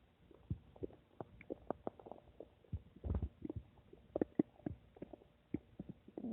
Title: My Stomach making noise 8